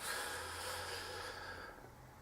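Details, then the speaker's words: A single hissing nasal sniff with a wet, snorting edge from an adult who came down with snuffles and a chesty cough after a seaside holiday; nasal snuffling. "you can probably hear me snuffling and stuff we all came to help we all must be allergic to the sea air"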